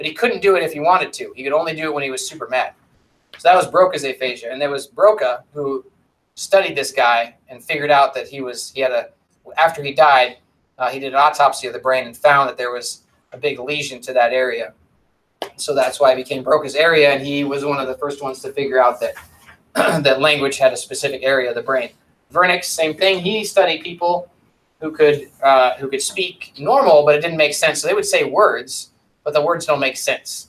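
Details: Adult lecturer; no disorder.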